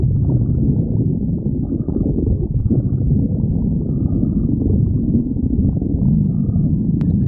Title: Hungary stomach growling